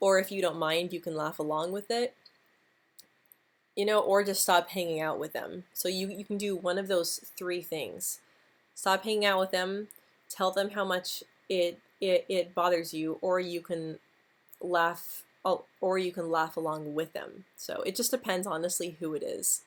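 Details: Adult woman who stutters, speaking live; she describes her move from the US to the Netherlands as a very stressful period; stuttering.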